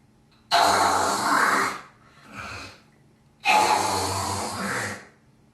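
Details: Girl coughing and hawking up phlegm: two long, harsh rasping throat-clearing efforts with a short snort between.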